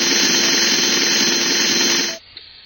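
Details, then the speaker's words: Simulated virtual knee replacement game on a 76-year-old man: powered drill gives a steady high-pitched whine for about two seconds, then stops, drilling into the femur for the distal femoral cutting jig; surgical bone drill. "A hole must be drilled inside the femur to set up the distal femoral cutting jig and alignment device."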